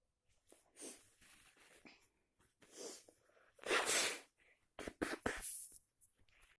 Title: Sneezes in the office .allergies+cold